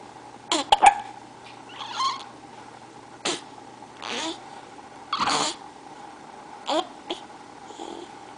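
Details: Hiccups: repeated short, sharp bursts with a quick catch, irregularly spaced, about seven in eight seconds, over a steady background tone.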